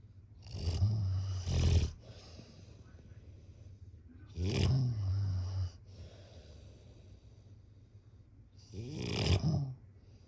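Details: Snoring: snoring sounds with snorting breaths and a throat clear.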